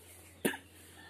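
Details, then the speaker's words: Cough from an adult man ill for three days, who suspects Covid-19 or dengue fever, after a neem-leaf steam bath; voice affected, with head pain, body aches and short breaths: a single short, harsh cough. "I got this cough you can hear my voice"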